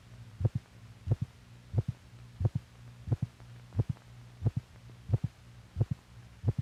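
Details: Normal heart sounds from a 1950s(?) teaching film for doctors that records heartbeats alongside the heart's physical motion.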